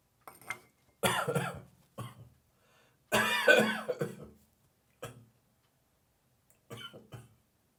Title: Dry morning cough, gagging and spitting